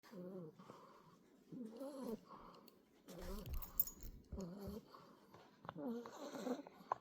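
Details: 8-week-old Boxer puppy asleep: soft, rhythmic nasal snoring sounds repeating every second or two, with faint rustling in the background; snoring.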